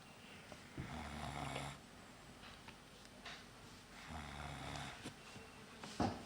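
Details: A sleeping young son gives two low, rattling snores on inspiration about three seconds apart in a quiet room: ordinary snoring.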